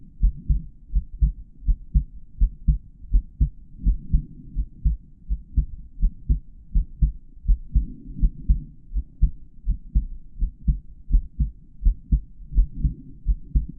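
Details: Real normal adult male heartbeat recorded through a stethoscope with a microphone inside the earpieces, auscultated over the different heart valve areas.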